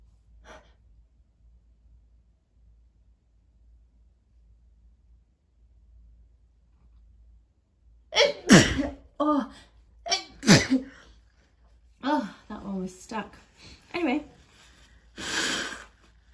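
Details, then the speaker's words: Woman sneezing while wrapping presents, her nose irritated by the scent of the tape: a run of about five or six explosive sneezes in close succession, each with a sharp intake and a forceful burst. "nothing much I can really do about that when I feel one coming they just have to come out you see"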